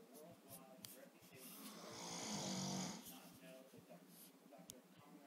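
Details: A single loud, rough, rattling snore swells and fades during an inhaled breath, with quiet room noise and faint clicks around it; ordinary snoring keeping a listener awake.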